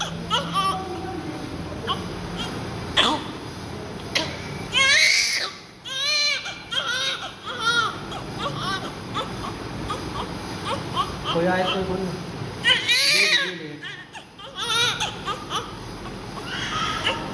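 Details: Newborn just after birth, covered in heavy vernix and being cleaned, cries in repeated wavering bursts with short whimpers between, amid room noise and handling sounds; newborn cry.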